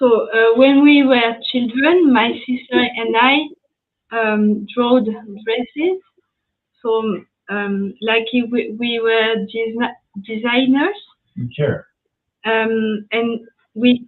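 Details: Post-stroke aphasia in a French woman after an ischemic stroke at age 22 in July 2011; she was completely mute for 10 days and spent one year in rehabilitation, with lasting language difficulty.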